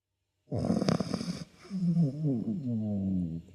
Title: snoring dog | #dogs #chihuahua #doggielife #pets #chihuahuafanclub